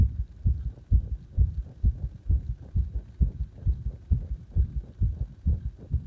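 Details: Own heartbeat recorded during CPR: rapid, regular low thumps at about 130 a minute with faint background hum.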